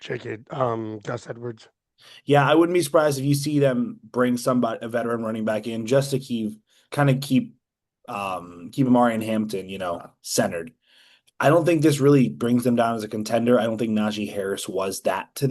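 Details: Adult male speaker; normal voice.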